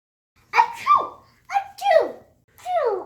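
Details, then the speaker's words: Child's acted, playful sneezes: three pretend "achoo" sneezes in a row, demonstrating what kids should do when they sneeze during COVID-19. "Watch this video to see what you have to do when you cough or sneeze. Let's show our friends and Jaw what to do if you have to cough or sneeze."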